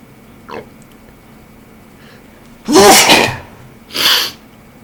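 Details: Male with a cold sneezing: a faint stifled sneeze, then two loud, explosive sneezes in quick succession against quiet room hiss.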